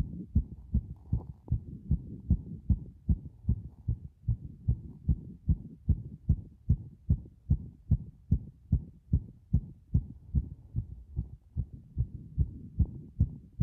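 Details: Heart sounds recorded with pressure against the chest after a bath; strong, regular low thumps of a heartbeat through the chest wall, roughly 75 beats a minute.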